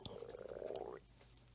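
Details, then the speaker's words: Adult's stomach gurgling loudly while she talks (bowel sounds, borborygmi): a gurgling, bubbly rumble of about one second. "Oh gosh, I hope you didn't hear that. My stomach just gurgled. It's kind of loud."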